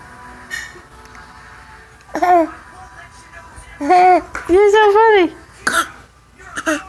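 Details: Young child named in clip, deliberately fake coughing in play: several short voiced cough-like sounds with soft music behind.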